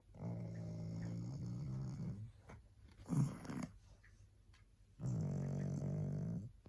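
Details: Tired pug resting, barely able to hold her head up: long, low, buzzing, rumbling breaths with quieter pauses between them; snoring.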